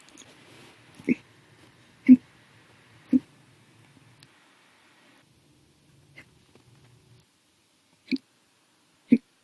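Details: Violent loud hiccups after lunch and drinking soda, an episode lasting 7 hours 32 minutes, audio only: five loud abrupt gulping catches with fainter ones between, about 60 a minute, repetitive hiccups.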